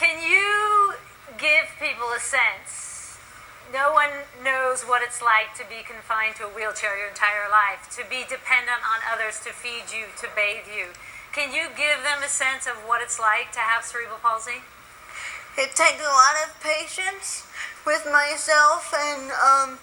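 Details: Adult female speakers, interview; ordinary speech.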